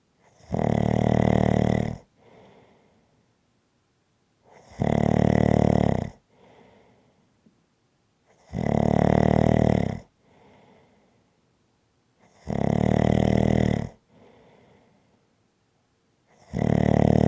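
Loud, rough snores on each in-breath, about 14 a minute, with a quieter out-breath between; ordinary snoring.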